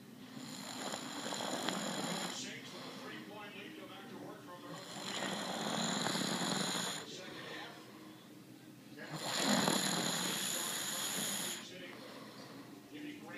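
Three long, rough, rattling snores on breathing in, about 14 a minute, with quieter breathing between them: snoring.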